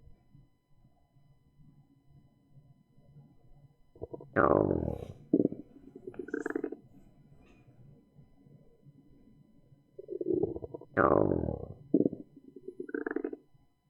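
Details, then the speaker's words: Irregular gurgles and clicks heard through a stethoscope over the abdomen, moving clockwise, during a nursing primary assessment demonstration: normal bowel sounds. "And so, what we generally listen to is we listen to bowel sounds. We'll listen to some bowel sounds here. Here's a normal bowel sound."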